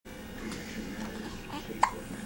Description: with her first case of the hiccups.